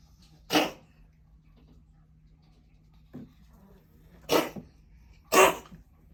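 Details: Pet named Simba coughing: three short, sharp coughs, irregularly spaced, in a quiet indoor room.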